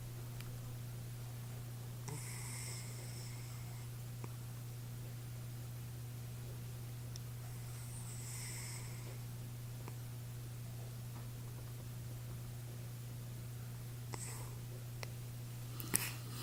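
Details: Sleeping cat at a sanctuary, not sick, gives soft, breathy snores, about ten breaths a minute, over a steady electrical hum; snoring.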